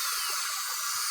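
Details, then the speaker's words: Long narrow diamond bur in a dental handpiece gives a high-pitched steady hiss and whine as it blends the porcelain margins of Lumineers veneers at the gum line during placement. "I'm using a long narrow diamond and I'm just blending this porcelain"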